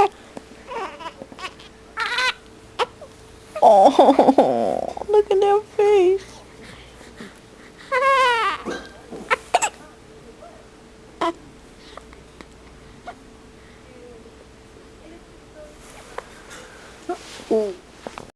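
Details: Brief fussy cries and whimpers from an infant with hiccups, making a sad face, with short gaps and soft sounds between; an ordinary infant cry.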